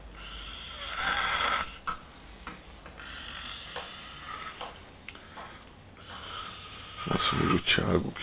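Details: Rough, rattling breaths in irregular bursts over room noise, louder near the end, from an adult man asleep after an early-morning drive on a fishing trip: snoring.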